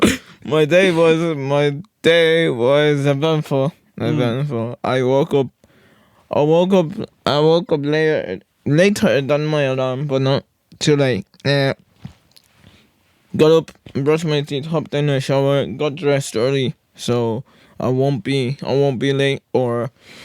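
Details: Podcast host with cerebral palsy, severe stuttering in childhood treated with speech therapy and still frequent; conversational speech with word and phrase repetitions; stuttering.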